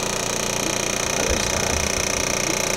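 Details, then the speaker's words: Vibration therapy device on the calf of a woman after total hip replacement, loud steady buzzing with fast regular pulsing, used to prepare the tissue before radial shockwave therapy. "The vibration first gets this um the part of the body ready for like the other like shocking vibration part of it. And then radio pulse comes after."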